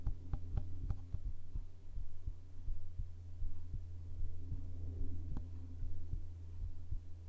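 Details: ASMR heartbeat sound recording, possibly with a binaural microphone: soft, steady low thumps at about 75 beats per minute over a constant low hum; a normal heartbeat.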